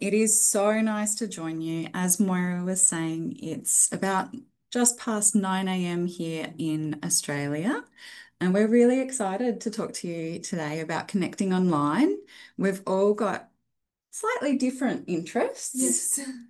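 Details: Adult woman; ordinary fluent speech.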